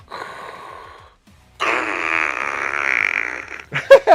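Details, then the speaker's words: Simulated snoring: an adult imitates his CPAP-using wife's sleep, loud rasping Darth Vader-like breathing with a snore-like rattle underneath, as heard through her mask. "So it's like Darth Vader breathing, but just crazy snoring underneath. It's like."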